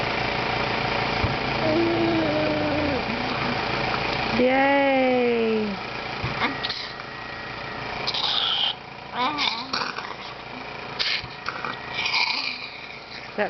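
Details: Young boy using a Cough Assist machine after vest therapy each night to clear lung secretions: cycles of machine air pushed in and pulled out, with encouraging voices nearby.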